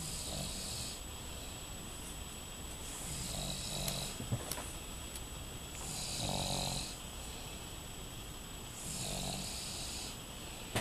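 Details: Snoring during sleep, a young child with his father, both snoring: repeated rough breathing noises about every three seconds over a steady background hiss.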